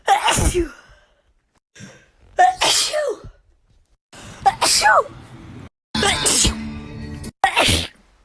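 A series of forceful, wet-sounding sneezes separated by short pauses, with faint background music. Ordinary sneezing.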